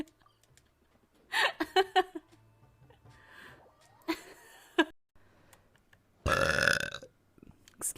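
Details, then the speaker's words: Woman livestreamer who says she burps a lot: several voiced, croaky belches, the last long and loud, with soft talking and laughter between them; repeated burping. "um excuse me also for everyone who's new here I do burp a lot excuse [Laughter]"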